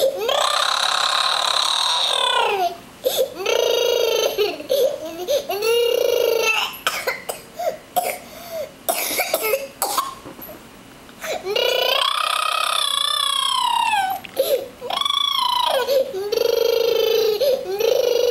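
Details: Loud, sustained wailing cries from a child, broken by gasping breaths and sobs; crying.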